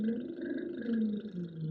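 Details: 63-year-old female lifelong singer and voice teacher with a vocal cord cyst, hoarseness beginning around age 50, over 10 years ago, attempting to sing before treatment; dysphonic singing voice.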